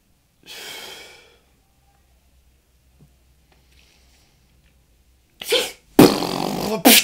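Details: Loud, explosive sneeze in a person with hay fever: noisy breath, a pause, a sharp gasping inhale, then the forceful sneeze with a brief trailing burst.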